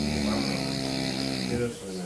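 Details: Man snoring: a loud, sustained buzzing rattle from the throat during a breath.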